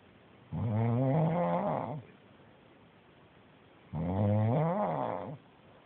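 Two long, vibrating, buzzing snores about 3.5 seconds apart, quiet in between. Snoring.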